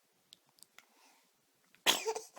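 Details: Infant boy sneezing: a few soft catches of breath, then a single sharp, explosive sneeze.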